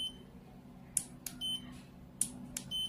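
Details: Several short, high electronic beeps in a row from a SY-Fill cordless gutta-percha endodontic obturation pen as its temperature setting, one of five, is changed.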